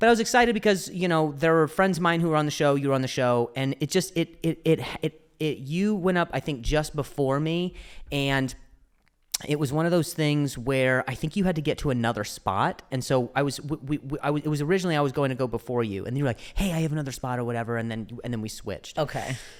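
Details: Stuttering in an adult male comedian who stutters, speaking in podcast conversation with repetitions.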